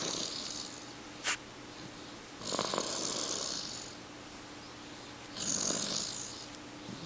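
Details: Two long, breathy, hissing snores about three seconds apart over room hum, recorded 3.31.09; light, airy snoring.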